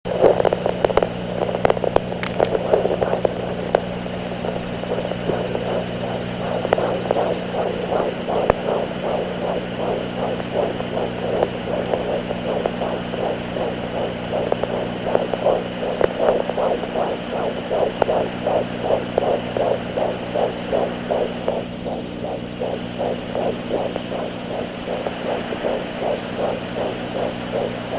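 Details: Fetal Doppler at 13 weeks 3 days of pregnancy: fast, regular whooshing pulses at about 155–160 beats a minute over a steady hum; fetal heartbeat.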